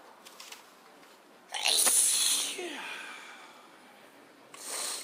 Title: Sneezing randomly